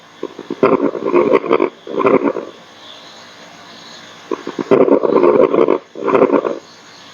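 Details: Nursing exam crash-course demonstration of lung sounds: two breath cycles with brief, fine popping sounds, likened to wood burning, through the breaths: fine crackles.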